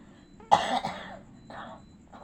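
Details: Simulated cough acted by a costumed performer playing a sick pocong ghost who cannot travel home: one forceful cough followed by a softer second cough.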